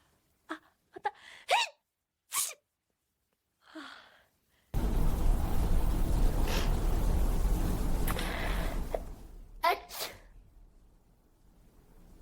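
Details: AI-generated (Sora2) sneeze compilation, simulated: several sharp sneezes with quick inhaled catches before them, then loud handling noise and one more sneeze, followed by apologies; sneezing.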